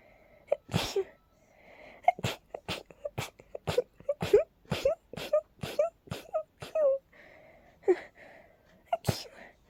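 A rapid run of about a dozen short, voiced sneezes in under ten seconds, a sneezing fit linked to allergies.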